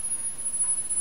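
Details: A steady, very high-pitched pure tone over faint room noise: a hearing test tone at about 10 kHz, during a descending series from 22 kHz.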